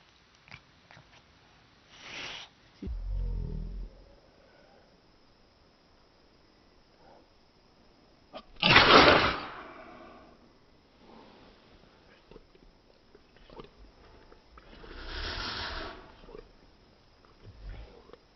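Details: Cat sneezing filmed in slow motion at 240fps on a Google Pixel phone: a few drawn-out, low bursts of air slowed in playback.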